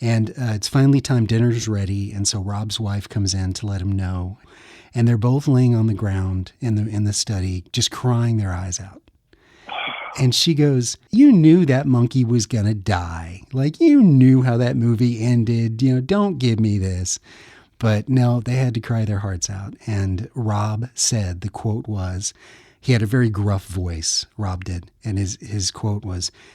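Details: Adult male speaker; typical speech.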